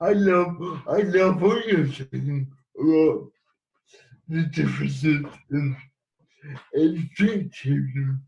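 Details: Dysarthric speech in cerebral palsy in an adult man living with the condition.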